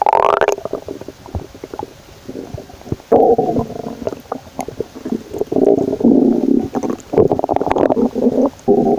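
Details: Ordinary stomach growling: low bubbling rumbles and gurgles rising and falling in irregular bursts with short quiet gaps, from the person's own stomach.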